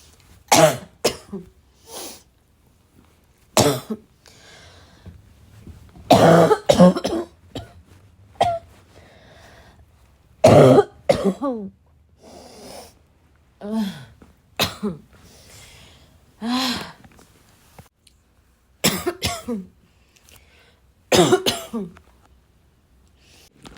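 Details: Adult with repeated harsh, barking dry coughs again and again, in single bursts and short runs with pauses between, mixed with throat clearing and snorts: barking cough.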